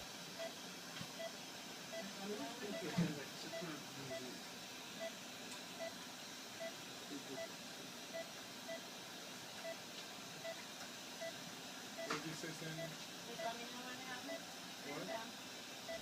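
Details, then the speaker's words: Heartbeat heard as monitor beeps in an EKG course: steady beeps near 80 a minute in normal sinus rhythm, with one beat coming too early, an atrial premature contraction, with talking in the background. "so let's call an APC or an atrial premature contraction I'm going to go ahead and turn on that movie and if you listen to the heartbeat you'll hear it"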